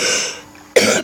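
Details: An ordinary cough: a short, harsh cough or throat-clear, repeated after a brief pause.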